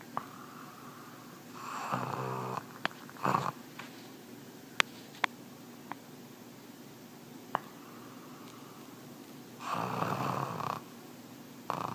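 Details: Dog snoring lightly while asleep: two soft snoring breaths several seconds apart over room noise, with scattered small clicks.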